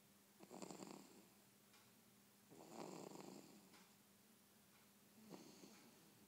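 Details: Heavy snoring like a freight train: loud rattling snores about every 2.4 seconds, roughly 25 a minute, with quiet room noise between them.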